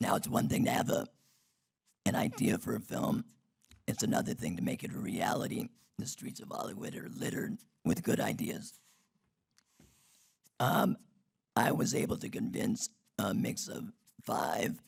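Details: Adult man whose larynx was removed in 2016 due to long-term radiation damage from cancer treatment 19 years earlier, speaking with an artificial voice and breathing through a neck stoma; alaryngeal speech after total laryngectomy.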